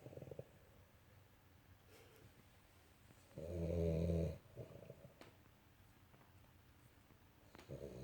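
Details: A small dog asleep gives low, rattling snores, one long loud snore among softer ones, with quiet pauses between; snores habitually while sleeping.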